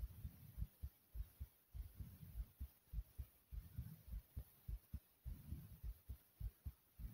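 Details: Heartbeat recorded after jumping in place for a few minutes to make the heart race: rapid, regular low thumps at about 103 beats per minute; fast heartbeat after exercise.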